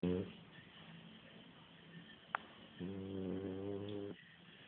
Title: wake up harley!!!!!french bulldog snoring..